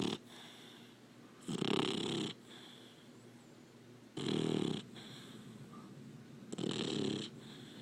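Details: Three loud, rough breathing noises about every two and a half seconds from a sleeping Labrador puppy over a quiet background; snoring.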